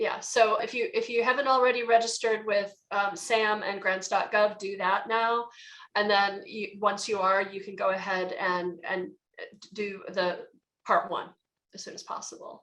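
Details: Stuttering with word repetitions in an adult woman who says she is a person who stutters.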